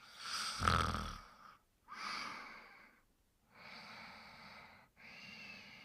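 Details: Snoring in sleep: several noisy breaths, each with a rough, fluttering snore quality, separated by short pauses.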